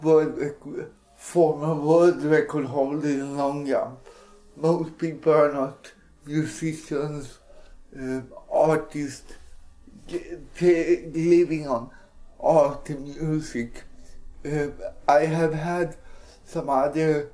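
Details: Speech of an adult man with cerebral palsy (CP injury).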